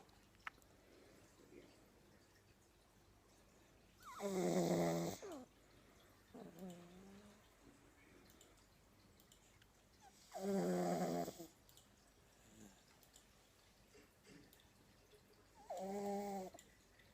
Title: Smokey the snoring pug (funny-cute-sleeping) Pugs Life